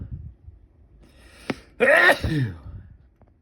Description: My nose was itchy today for some reason